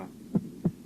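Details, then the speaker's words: Heart auscultation teaching: normal heart sounds at the base of the heart, one S1–S2 pair of short low thuds with the second sound louder than the first, as is normal at the base. "в норме у основания сердца второй тон громче 1"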